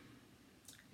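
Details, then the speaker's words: An adult recovering from autoimmune limbic encephalitis, who reports jaw clicking as one of her symptoms, makes a single faint, soft, squelching jaw click over quiet room noise. "I'm not that you're gonna want to hear my job clicking but it's"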